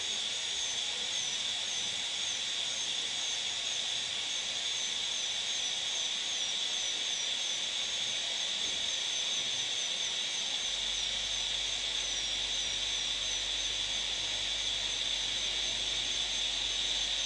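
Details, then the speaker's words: Molar crown preparation for a PFM crown, reducing one cusp tip at a time with the bur angle held constant, cusp down and out; steady high-pitched whine of a high-speed dental drill cutting tooth with constant hiss. "so keep this angle constant go from the tip downwards from the tip outwards okay from the tip down and tip out"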